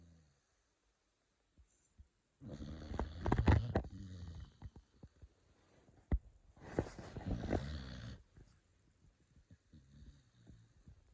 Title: Beagle Snoring 💤 #beagle #beagleworld #beagles #doglover